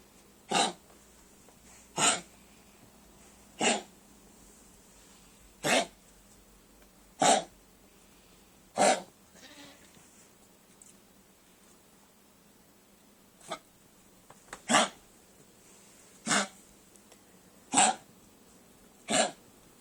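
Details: 12-year-old Chihuahua with kennel cough: about eleven sharp, dry, hacking coughs in bursts.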